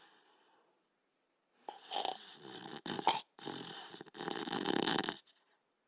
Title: Rusto, the Little Fox (1989-1992): Border Collie Sleeping and Snoring